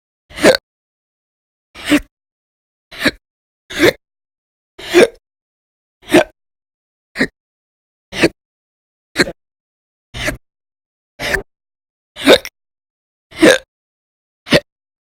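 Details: Audio-only recording from January 2020 of violent, loud hiccups in a person whose bouts lasted many hours a day: about 14 sharp, brief hiccups in fifteen seconds, near one a second. Persistent hiccups.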